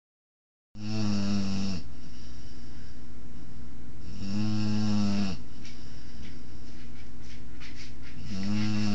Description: My 20 weeks old Boerboel pup, Oya, snoring during naptime.